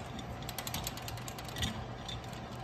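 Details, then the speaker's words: Pre-assembly of a Sugita neurosurgical head frame: soft repeated ratcheting clicks over low room rumble as pins are hand-tightened on both sides before wrench securing. "then we're going to take the wrench just to secure it nice and tight"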